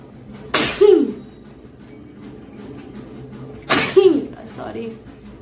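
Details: Indian girl sneezing during a sneezing challenge: two loud sneezes, each a sharp burst with a voiced tail, over low room noise.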